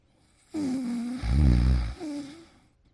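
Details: Snoring: a single long, loud snore with a deep rattling middle and a whistling start and finish.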